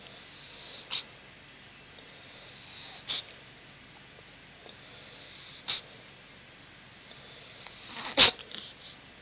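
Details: Four short, sharp sneezes from a kitten, the last the loudest, separated by quiet breathing; described as kitten sneeze and cough; sneezing.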